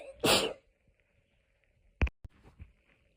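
One loud, breathy sneeze, then sharp clicks and short bursts in a quiet room with a faint hum; repeated sneezing from hay fever.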